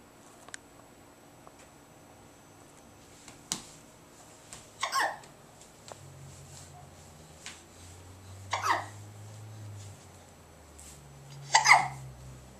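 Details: Hiccups in a 9-month-old girl who has recently started crawling: three short, abrupt throat catches about every three seconds in a quiet room.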